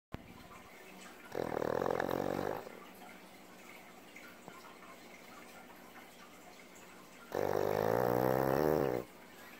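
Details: Pug sleeping on owner's lap, snoring loudly: two long, loud, buzzing snores about six seconds apart with quiet between.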